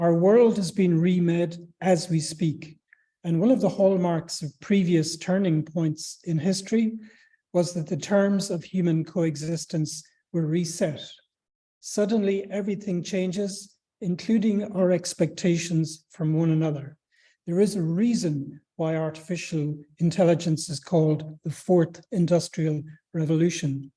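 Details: Adult speaker; Normal fluent speech.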